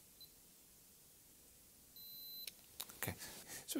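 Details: Tympanic ear thermometer used on a woman born 1998 during an OSCE vital-signs check: brief high electronic beeps, then soft handling noise; the reading is a normal temperature.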